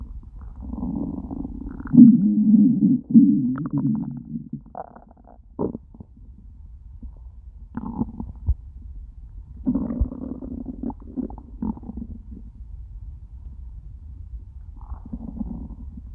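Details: Hunger borborygmi after eating nothing all day: long, low, loud gurgling growls and rumbles from an empty stomach; the stomach was starting to hurt by the end of the recording.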